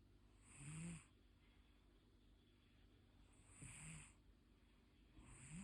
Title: How my cat snores and sees dreams 😻